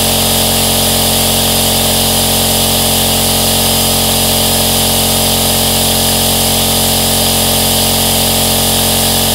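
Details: Aerosol nebulizer running, recorded as a 10-hour continuous white-noise track: a steady, loud mechanical hum and hiss with no breaks.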